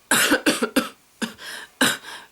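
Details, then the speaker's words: Woman with a very bad cough, attributed to a virus/cold that also affected her ears: five sharp coughs in two quick clusters, some with a short rough tail; repeated dry-sounding cough. "I always had a very very bad cough and I went how am I gonna speak to this group about all of us having innate health when I look so obviously ill"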